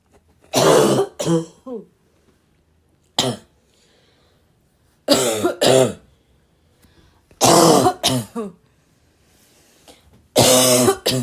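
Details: Girl having a raspy, barking coughing fit: four bouts of harsh, raspy coughing, each a few rough bursts with throat clearing, separated by quiet pauses; raspy cough.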